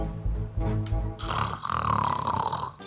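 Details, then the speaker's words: Comic staged short of a father snoring loudly at night, exaggerated loud rattling snores with music behind; simulated snoring. "Mummy papa बहुत तेजी से खर्राटे मार रहे हैं। तो मेरे को नींद नहीं आ रही। हां, तुम्हारे पापा खर्राटे तो बहुत तेज मारते हैं।"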